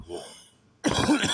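A single short, rough cough or throat clearing after a brief pause.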